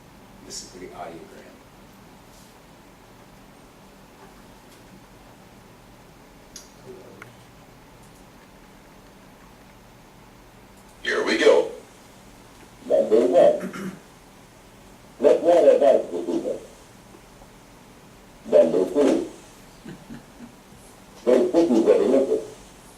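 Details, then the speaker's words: Simulation of speech heard with high-frequency hearing loss: four sentences with high-frequency tones filtered out, sounding muffled and dull with crisp consonants missing, from a talk on hearing loss in aging adults. "you will hear four sentences however they will not sound normal to you since some of the high frequency tones have been filtered out see if you can understand all four of the sentences"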